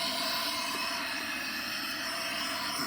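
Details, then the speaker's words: Paramedic CPAP demonstration on a mask connected to an oxygen tank, PEEP set by oxygen flow, about 8 litres a minute. A continuous high hissing rush of gas flow. "So turn it on, and you actually control your PEEP by how many liters of oxygen that you run through here."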